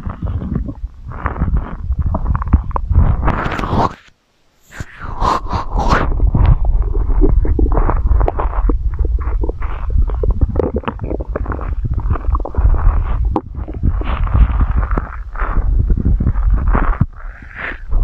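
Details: Long, loud rumbling and gurgling from the belly, nearly continuous with one brief pause; stomach growling (borborygmi), ASMR recording.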